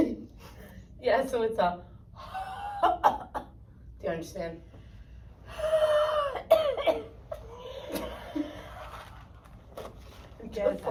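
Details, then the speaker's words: 52-year-old woman with an acute pulmonary exacerbation of cystic fibrosis, diagnosed at 16, coached in a practical session to breathe out fully, as if fogging a mirror, until she coughs. Forceful open-mouthed exhalations and coughs bring up secretions: a huff cough. "you're going to do something called a huff cough. And I'm going to have have you breathe out um as much as you can like you're fogging up a mirror until you cough and get some secretions."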